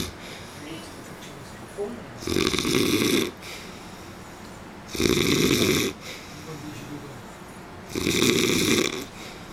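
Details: Loud, regular rumbling snores on each breath in, about 22 breaths a minute, with quieter breathing between; snoring.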